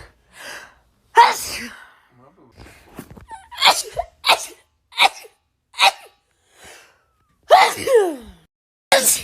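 A quick run of forceful sneezes, each a sharp explosive burst with short gasping breaths between them.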